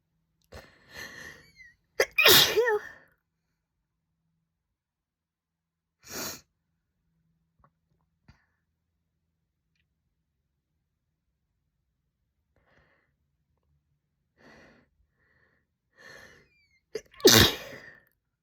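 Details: About three sharp, forceful sneezes from a female, each with a quick inward breath before it, separated by quiet pauses; sneezing.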